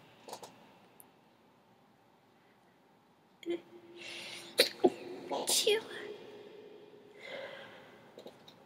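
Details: Two or three sharp, sudden nasal sneezes close together amid quiet room noise; sneezing.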